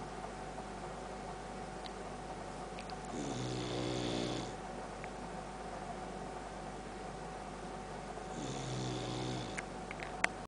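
Two rattling inhaled snores about five seconds apart over a steady room hum; dog snoring during sleep.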